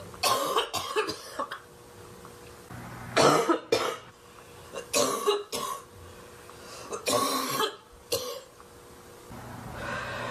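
An adult woman coughs in a fit of harsh, barking bursts in repeated clusters.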